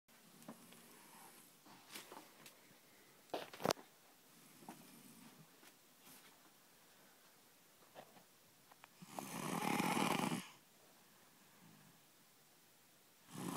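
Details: Mia asleep: quiet rustly breathing, then one loud rasping inspiratory snore. Snoring.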